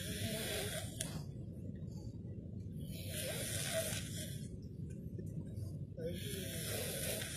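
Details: Man, a waiter, asleep after a 12-hour shift, snoring loudly through an open mouth: slow, rough, airy breaths about 18 a minute over constant room noise; open-mouth snoring.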